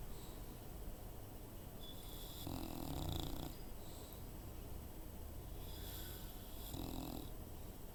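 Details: Female bulldog, sometimes a loud snorer, snoring: low, rumbling snores with snorting, wheezy breaths in and out, two clear snoring cycles.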